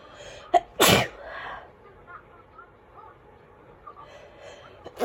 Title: Fall sneezes pt 1